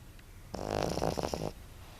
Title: Yorkie Snoring